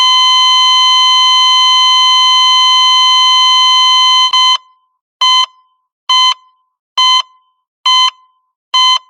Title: Hospital Heart Monitor HQ Sound Effect